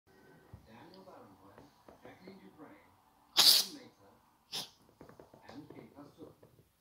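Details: Cat sneezing after eating grass, later found to have a small straw in its nose: two sharp, hissing sneezes about a second apart, with soft voices nearby.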